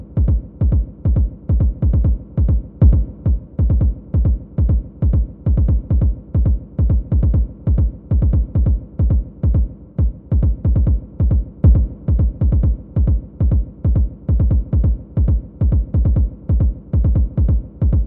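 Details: Simulated apical heartbeat played for a nursing skills demonstration and counted for a full minute. Fast, uneven beats at 136 a minute: irregular tachycardic heartbeat.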